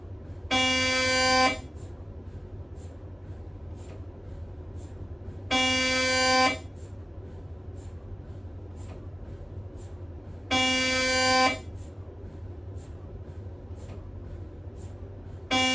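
Loud buzzing tones about one second long, repeating every five seconds, with faint ticking between them: an MRI scanner running imaging sequences.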